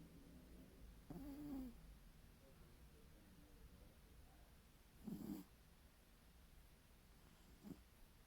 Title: Milo Snoring and Dreaming